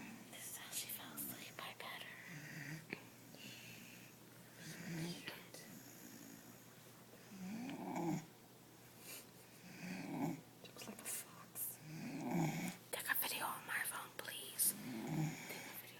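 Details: Sleeping puppy, owner says she needs her tonsils: soft rhythmic snores about every two seconds with quiet whispered talk in the background; snoring.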